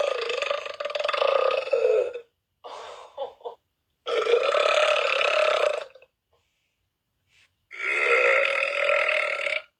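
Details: Several long, loud, voiced belches with brief gaps between them; burping, looped clip.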